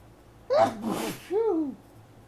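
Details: A morning hay fever sneeze caught in tissues during a heavy allergy flare: a sharp inward gasp, then an explosive wet sneeze and a falling voiced release; a forceful allergic sneeze.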